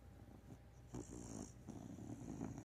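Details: Sleeping dog that snores a lot: soft, low, rumbling, snuffling breaths, a light snore.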